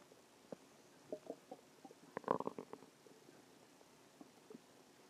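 Soft gurgling and bubbling rumbles in a quiet room; normal bowel sounds from gas and fluid moving through the gut.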